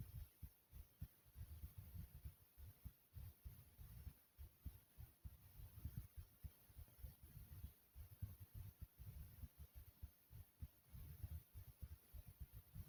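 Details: Regular deep thumps, about 100 a minute, with a steady high hiss behind; a recording of the person's own ordinary heartbeat.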